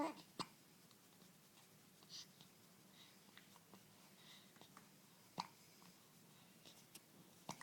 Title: Happy Hiccups